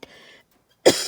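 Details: An adult owner coughs while geese watch with concern: a soft brief sound, a short pause, then one sharp loud cough burst.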